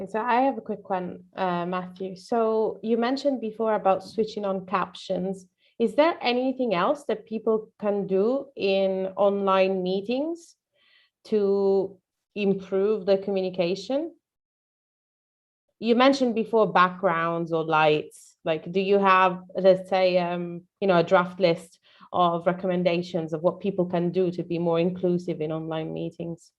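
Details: Adult woman speaking; ordinary speech.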